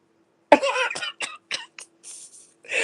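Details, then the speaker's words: Adult woman blames a heavily pollen-irritated throat, with pollen visibly flying around, for one loud cough followed by a run of short throat-clearing bursts over a faint room hum. Cough. "Um, the pollen here is off the chain. Okay, you can you can visibly see it flying around. So my throat said, "Ugh, girl, I don't like you.""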